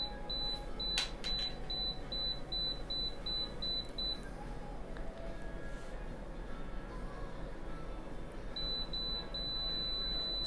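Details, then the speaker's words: Apex locator beeping during root canal working-length measurement in a young woman's canal as a size 10 file is advanced; rapid regular electronic beeps pause, then resume as the file nears the root apex, with a zero-zero reading. "so here we go we're going to use the 10 file and we can already hear it beeping"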